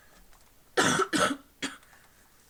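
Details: Persistent post-viral cough.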